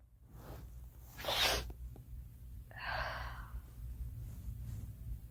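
A sharp burst of noisy air, then a brief voiced follow-on sound, against low room hum: a single sneeze.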